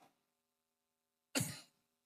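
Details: Single short, harsh cough from an adult while giving a public speech, heard over a faint steady background hum.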